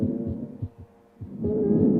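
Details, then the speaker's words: Simulated virtual-reality asthma patient with shortness of breath, chest heard by stethoscope: musical inspiratory and expiratory wheezes with heart tones audible beneath. "to that inspiratory and expiratory wheezes my friend and you may have noticed i can also hear his heart tones but that's actually getting in the way of my assessment"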